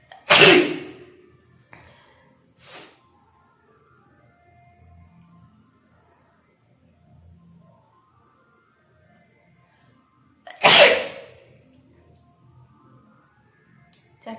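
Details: Sneezing challenge, nose tickled with a matchstick: two loud, forceful sneezes about ten seconds apart, faint sounds between, quiet room.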